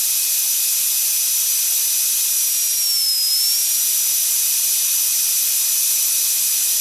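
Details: Dental drill sound effect: a high-pitched steady whine as it starts, runs at various speeds with a brief dip and return in pitch, then stops.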